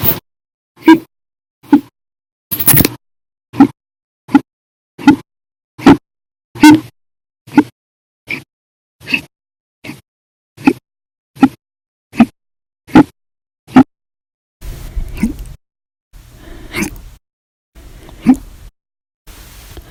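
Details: Hiccups on 8/9/19 lasting 13 hours 20 minutes, after eating breakfast and lunch and drinking a cup of soda after dinner; audio only: about eighteen sharp, loud hiccups at roughly one a second, then softer breathy ones.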